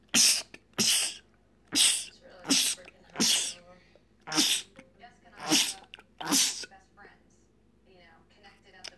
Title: 9 sneezes